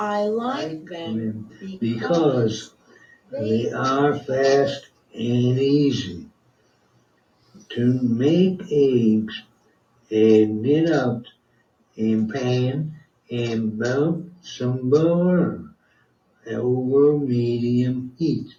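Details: Same client with non-fluent (expressive) aphasia, now speaking with speech entrainment (audio-visual speech model via iPhone and headphones), presented as a major fluency improvement; the model's voice may also be audible; non-fluent aphasia with speech entrainment.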